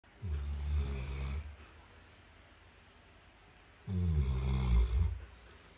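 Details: St. Bernard dog snoring loudly: two deep, rumbling snores about four seconds apart, each lasting over a second, with quiet between.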